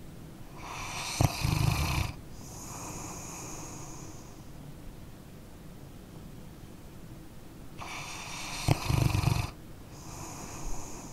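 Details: Sleeping dog snoring: slow, snorting snores about nine a minute, each followed by a whistling out-breath, over steady background hiss; ordinary snoring recorded as an ambient sound.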